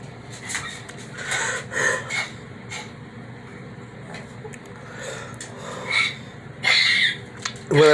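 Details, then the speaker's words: Adult with COVID-19 (tested five days earlier) gives repeated harsh, wet coughs and throat-clearing to bring up sputum thick as paste; breathing fine, chest getting a little tight; productive cough. "right now my breathing is fine but i'm coughing up some very bad stuff this is gross but i just want to let everybody see what i'm dealing with here"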